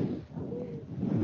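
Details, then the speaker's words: Monophonic wheeze: a single-tone, high-pitched sibilant sound that suggests bronchospasm at the level of a single bronchus, raising concern for a possibly malignant process such as a bronchial tumor. "en la presencia de un sonido un estimulante y en un solo tono estamos sugiere entonces que el broncoespasmo está ocurriendo a nivel de un solo groningen"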